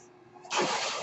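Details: Speaker's own mechanical ventilator, heard in the background while the user talks during a podcast recording; a mechanical ventilator breath cycle.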